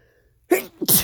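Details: Male coming down with a cold: a single sharp sneeze, with a quick in-breath and then an explosive burst of air through the nose and mouth; sneezing.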